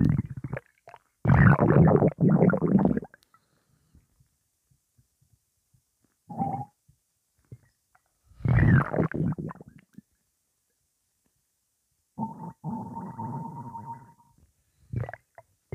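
Loud, low gurgling and sloshing rumbles in bursts, one with a drawn-out squeal, typical of gas and fluid moving through the stomach.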